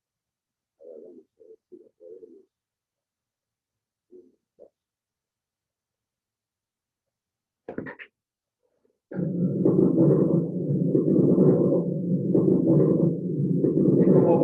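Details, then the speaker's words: Simulated on a teaching manikin: coarse bubbling crackles filling the chest like bubbles bursting, like blowing through a straw into a bottle, from acute heart failure with fluid throughout the airways. Coarse crackles of acute pulmonary edema. "como burbujas que se rompen, ¿eh? Escuchan tal cual esto en el edema agudo del pulmón. Falla cardíaca aguda con acumulación de líquido en todo el pulmón, ya no en los alvéolos, sino en toda la vía aérea."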